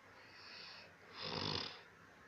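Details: A single loud, rough, rattling snore on the in-breath, rising and fading over about a second; snoring.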